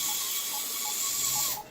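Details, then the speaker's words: Dental prophy handpiece polishing an intubated dog's teeth with prophy paste after scaling, during a veterinary nursing dental cleaning: steady high-pitched whirring hiss of the handpiece running, then stopping at the end. "go ahead and start it before you get on the tooth and then you apply it there do all surfaces of the tooth and"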